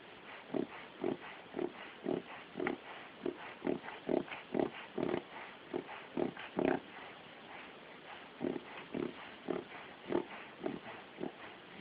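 Rapid, repeated snorting inward gasps, about two a second, in runs with a brief pause; a reverse sneezing episode in a dog.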